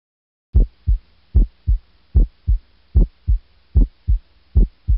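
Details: Normal heart sounds S1 and S2 on stethoscope auscultation: regular paired sounds at about 75 a minute, a duller low first sound (mitral/tricuspid closure, loudest at the apex) and a sharper second sound.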